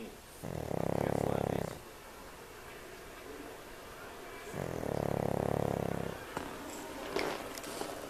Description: Mimi snores. We think it's cuz she's a pug and her nose is too small for air to go through it.